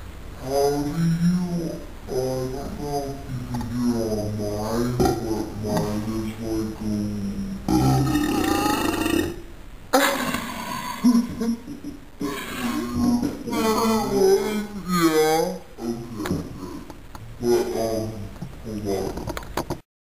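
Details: Long, drawn-out, voiced belches with a rumbling, vocal quality; prolonged burping.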